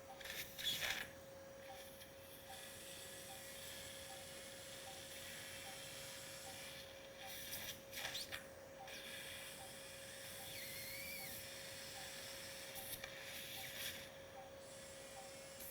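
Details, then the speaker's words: Steady high-pitched rasping surgical drill with brief bursts, drilling the last part of the petrous apex deep to the carotid. The patient is a 26-year-old male with hearing loss and facial palsy. "Now I'm drilling that the last part of the petus aex. I am drilling deep to carrot it."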